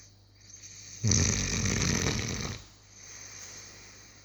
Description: Here's my 6 month old Cane Corso snoring on the couch